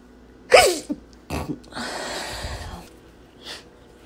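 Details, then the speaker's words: Speaker blaming allergy gives a loud, explosive sneeze followed by a brief sniff, a rushing breath out and a soft second burst; sneezing. "Voy a estornudar. Ay, perdón. Otra vez. Necesito estornudar."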